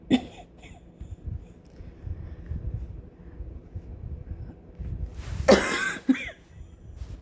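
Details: Sick adult with COVID-19, coughing despite a prior breathing treatment: a few short, harsh coughs, one early and a louder pair near the end, over low room noise.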